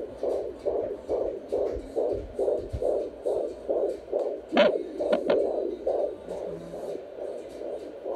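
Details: Steady, rapid whooshing pulses at about 140 a minute from a baby girl's fetal heartbeat heard on a home Doppler, described as fast, with soft music behind.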